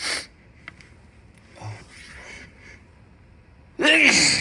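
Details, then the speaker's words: Sudden loud sneeze preceded by quiet sniffling and a breath-in, in a person who says they have a cold with sneezing, nose blowing and coughing; sneezing. "think I definitely have a cold. I've been sneezing and excuse me, sneezing and blowing my nose."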